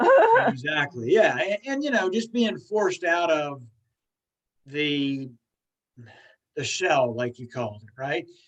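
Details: Stuttering in an adult woman who stutters, a stuttering support group leader.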